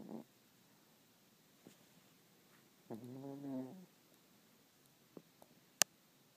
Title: Snoring Doggie